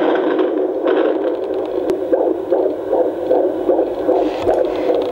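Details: Fetal heartbeat found with a home fetal Doppler (AngelSounds or Jumper), from an anxious mother after a prior miscarriage: rapid, regular whooshing pulses at about 150 a minute.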